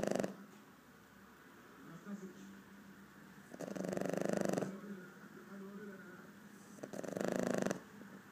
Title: Boston terrier 4 months old snoring